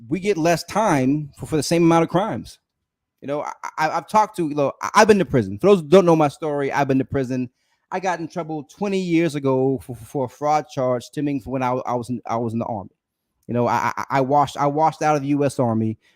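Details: Adult male with a self-reported speech impediment, noted as usually edited out of his videos but very apparent in this unedited live stream; stuttering-like disfluency.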